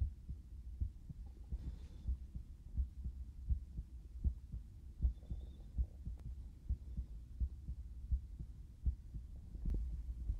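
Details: Heartbeat recorded by stethoscope for binaural ASMR, heard through headphones: soft low heart thumps around 80 per minute under a steady rumble, with a few rustles and clicks; normal heartbeat.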